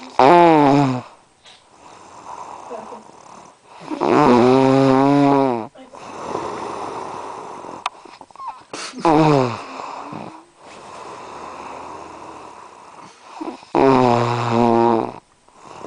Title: ronquidos 2